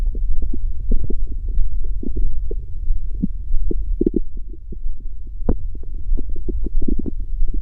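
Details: Stomach growling (borborygmi) that won't stop: deep, continuous rumbling with rapid bubbling pops from gut movement.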